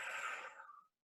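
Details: A soft, steady blowing exhale that tapers off over about half a second, then a pause: a respiratory physiotherapist demonstrating pursed lip breathing.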